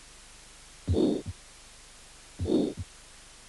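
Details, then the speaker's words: Aortic stenosis with a long ejection systolic murmur, crescendo-decrescendo between first and second sounds, in slow heart cycles. "estenosis aórtica con soplo directivo largo histórico"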